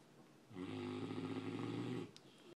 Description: Giant mastiff dog sleeping and snoring louder than anyone I know!!